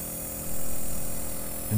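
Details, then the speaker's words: Omron NE-C28 compressor nebulizer plugged into mains and switched on: steady low motor hum starting up and running on. "sebelum menghidupkan kita hubungkan stopkontak kita ke listrik kemudian nanti kita hidupkan"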